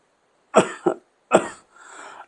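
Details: Acted coughing fit in a staged scene: three sharp, harsh cough bursts in quick succession, then a faint breathy exhale.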